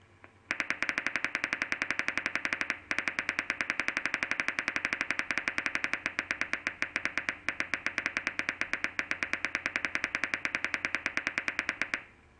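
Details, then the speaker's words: Single-fiber EMG: rapid, steady train of sharp, crisp, even clicks; mean interpotential interval 480 microseconds, MCD and MSD 10 microseconds, jitter 10 microseconds, little velocity recovery function effect: low normal jitter. "the mean in a potential interval is 480 microseconds both MCD and MSD are ten microseconds"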